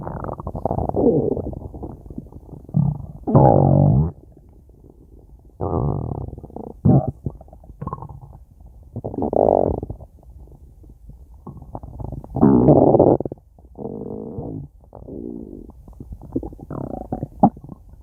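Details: Stomach growling (borborygmi): bursts of low gurgling and rumbling separated by quiet gaps, from gas and fluid moving through the gut.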